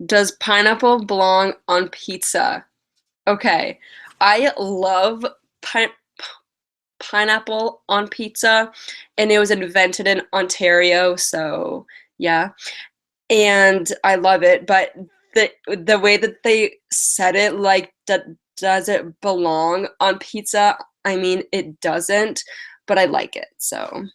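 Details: Lifelong stuttering in an adult woman with past speech therapy, mostly blocks, especially on vowel-initial words and on 't' and 'c'; she has a cold and is tired.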